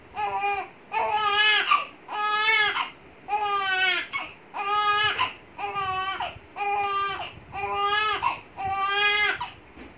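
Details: An ordinary infant cry from a baby boy: steady, rhythmic wails with short breaths between them.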